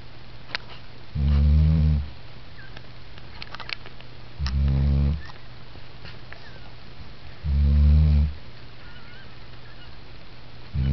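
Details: Asleep after her P.A.T. work, not woken by the camera: three loud, low, rumbling snores with quiet gaps, about 19 a minute, over steady room hum; ordinary snoring.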